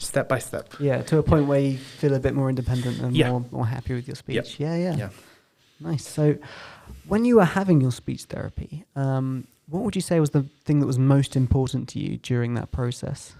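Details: Adult male podcast host; normal speech.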